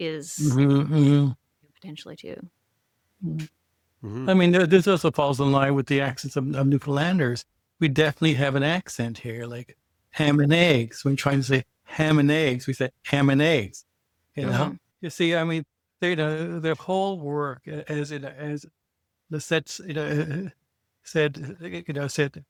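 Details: Stuttering in a podcast co-host who identifies himself as a person who stutters.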